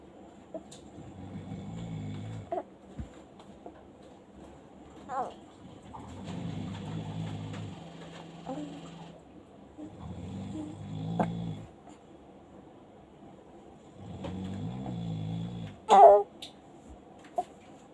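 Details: Father asleep, snoring: four low, rumbling breaths about every four seconds, roughly 15 a minute, with quieter sounds between.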